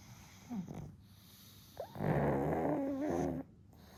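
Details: One-year-old male pug asleep, dozing off again after briefly waking: a short snort, then a long rattling, fluttering snore typical of a flat-faced dog; snoring.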